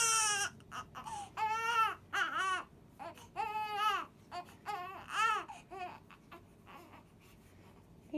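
Repeated wailing cries with short pauses, then softer whimpers; a newborn baby crying.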